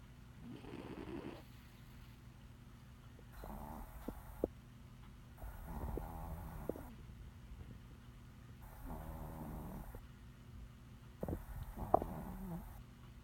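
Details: A 20 lb cat napping and snoring: soft, rough rattling snores on each in-breath, about six, against a steady low room hum.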